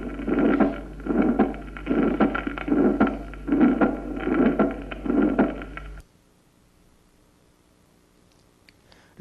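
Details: Regular heartbeat about 75 a minute with a brief fading whoosh early in each systole and a loud second sound: an early (protosystolic) decrescendo systolic murmur from aortic sclerosis.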